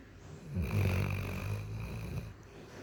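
A single low, rumbling snore with a fluttering quality over one breath; ordinary dog snoring.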